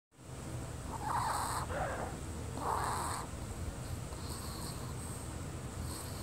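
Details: Wheezing: three raspy, whistling breath sounds from an animal over a steady low rumble.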